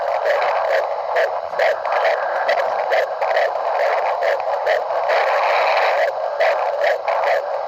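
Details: Rapid rhythmic whooshing pulses over static hiss: fetal heartbeat on Doppler, about 136 beats per minute.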